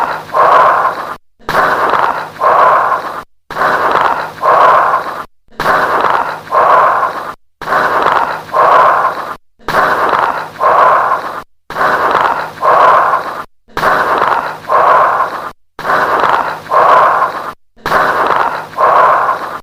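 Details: Bronchial breath sounds with late-inspiratory crackles.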